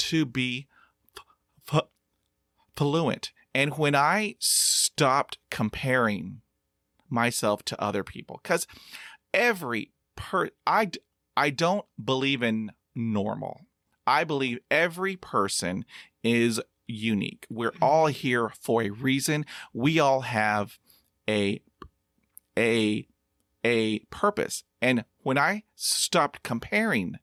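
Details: Stuttering in a 50-year-old man who practises meditation and breathing; audible part-word repetitions; stuttering.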